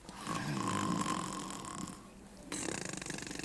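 Loud, rattling snores with a rough, throaty buzz, acted for a comedy film scene.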